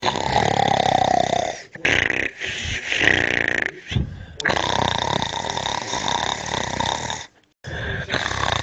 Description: Listen to the sound of a man snoring in deep sleep. There are several effects included in this clip.